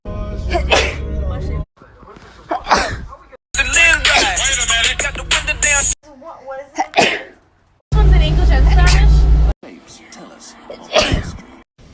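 Several short, explosive sneezes cut between loud bursts of hip hop music: ordinary sneezing.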